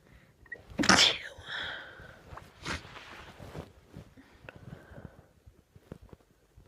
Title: Random induced sneezing :3